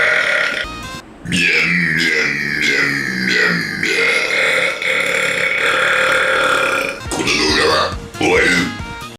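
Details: Burp compilation: long, loud, drawn-out belches in a row over background music; voluntary burping.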